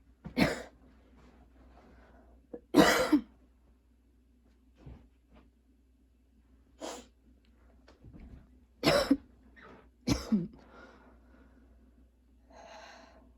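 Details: Person with ongoing coughing fits who plans to ask their doctor for a different medication, recorded while unpacking and getting ready for school: several harsh cough bursts at irregular intervals with a throat clear.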